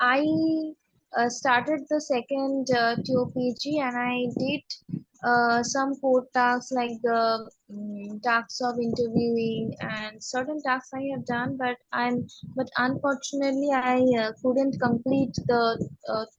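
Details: Stammering in an adult woman, onset at age six, speaking in a podcast interview.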